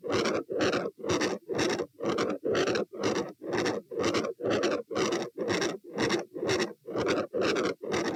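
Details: Rapid, regular rough rushing bursts at about 120 a minute, recorded over the aortic area with the patient standing; machinery murmur.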